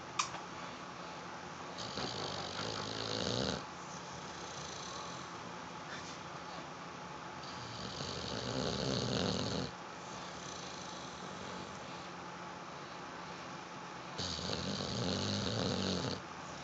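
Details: Sleeping dog snoring: slow, regular rattling snores, about ten a minute, with quiet breathing between them in a small room.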